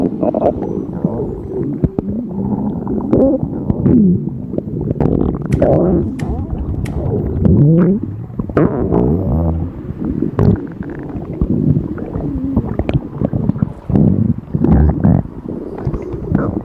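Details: Empty stomach of a hungry person on a diet, in front of food: continuous low gurgling and rumbling with bubbling shifts. Borborygmi, ordinary hunger bowel sounds.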